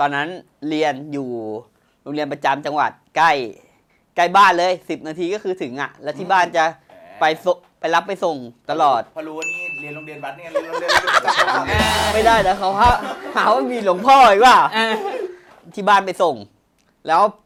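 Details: Thai speaker from a group of people who stutter, heard during a challenge game; stuttering.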